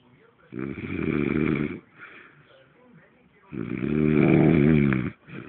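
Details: Two long, loud, rattling snores on the in-breath with quieter breathing between; a man asleep, snoring heavily like a pig.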